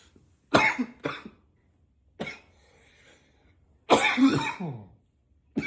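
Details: Deliberately produced coughing: four loud, harsh coughs in short bursts, some intentionally deeper in tone.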